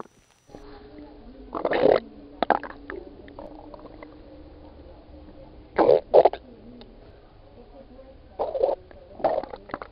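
Short gurgling bursts and squelches over a quiet hum, in clusters a few seconds apart: ordinary stomach growling, normal bowel sounds.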